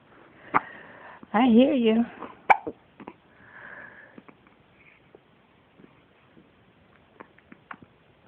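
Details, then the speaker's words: Baby girl with hiccups in a small room: sharp, brief catch sounds recur between a short fussy vocal and quiet breathing; infant hiccups. "what they need something for baby hiccup don't they we can't have anything for it though"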